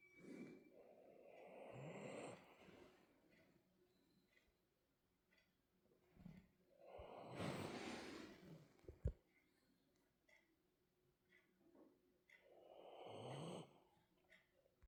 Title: The girl is tired, time for a little snoring session #frenchbulldog #doglady #dogsnoring #dogsleep